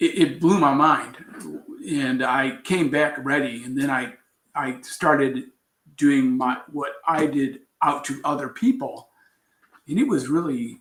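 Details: Adult man with aphasia after a traumatic brain injury from a bicycle accident about four years earlier, followed by coma; still recovering, with trouble finding words.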